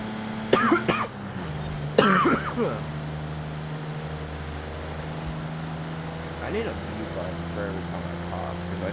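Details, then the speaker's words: A person who says they are not sick but still has a lingering cough gives two short, dry coughs over steady racing-game engine noise while live-streaming. "because I sound like I'm sick, but I'm not. That's the problem. I've just still got this cough."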